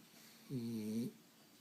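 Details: Sleeping dog: a single soft, low, humming snore lasting about half a second in a quiet room; snoring.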